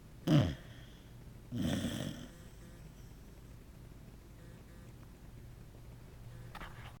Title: A Snoring Corgi!